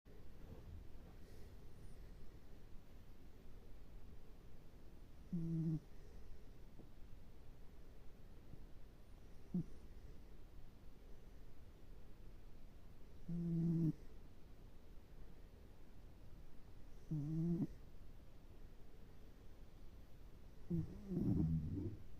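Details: Sleeping cat snoring like a hedgehog: short, low snuffling snorts about every four seconds, around 15 breaths a minute; snoring.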